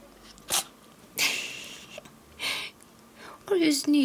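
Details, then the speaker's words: Kitten with a red nose, said to have caught a cold, sneezing: several small, breathy sneezes followed by a short meow. "sneezing Kitty is it cold in the holes did you get your cold my little kitty did you get too cold did you sneeze oh my kitty what are we gonna do"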